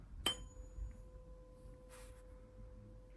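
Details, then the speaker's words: Weber test in an ear-examination OSCE demonstration: a tuning fork is struck and placed on the forehead with a sharp strike and a fading pure tone. Weber lateralised left; Rinne showed bone conduction greater than air conduction in the left ear, giving left-sided conductive hearing loss. "I'm going to buzz it again John and this time I'm going to place on your forehead you just have to tell me which ear you can hear better is it left or right"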